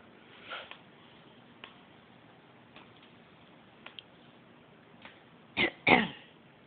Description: Houdini the African Grey coughing and clearing his throat.